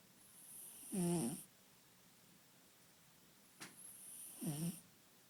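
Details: Kitten snoring during a nap: two soft snores, each a faint hiss followed by a brief low buzzing rattle.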